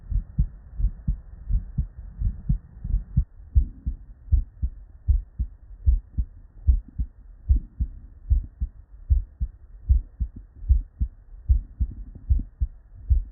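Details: Real bedside human auscultation from a patient with normal cardiac physiology: steady lub-dub at about 75 beats a minute, clear first and second sounds, no added noises; normal heart sounds.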